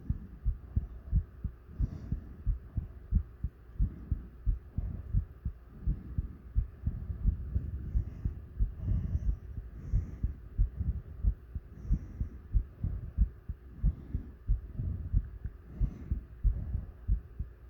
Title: Heavy Breathing Heartbeat